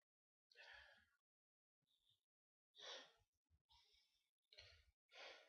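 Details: Several sharp, hissing bursts of air with short gaps, a run of about four sneezes.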